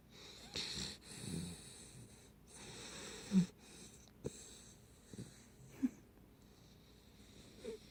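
Soft, irregular noisy breaths with occasional snorts during sleep; puppy snoring.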